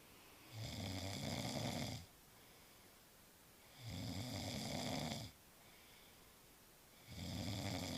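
Regular deep, rumbling snores, roughly 19 breaths a minute, each lasting over a second, against a low room hiss.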